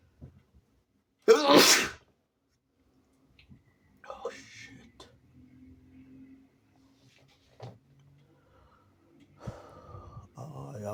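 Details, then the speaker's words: Sick person with a sensitive nose inducing sneezes: one loud, wet, explosive sneeze spraying onto leg, arm and body, then quiet breathing and murmurs; wet sneezing during illness. "I'm spraying all over my leg, my arm, myself."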